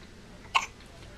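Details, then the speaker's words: An infant's first hiccups while fussing: a single short, sharp catch in the throat against a quiet background; one infant hiccup. "Oh no. Your shirt's too big and you have hiccups."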